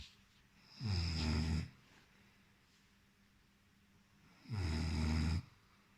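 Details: Two loud, low, rattling snores on the in-breath about four seconds apart, with quiet breathing out between them; ordinary snoring in a man.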